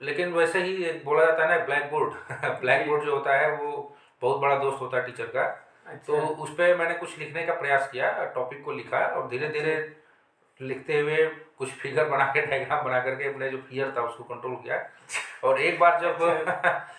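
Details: Adult male speaker; typical speech.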